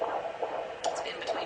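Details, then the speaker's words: Antenatal examination of a term pregnancy: Doppler over the abdomen, baby having moved position, counted for 15 seconds; rapid, regular whooshing pulses in the 140s per minute: normal fetal heart sounds. "usually counted for 15 seconds it's about in college you'll get this baby's heart rates running in the 140s"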